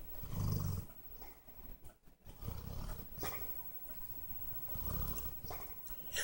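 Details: Sleeping dog: deep, rumbling low-pitched snorts about every two seconds with quieter breathing between them: dog snoring.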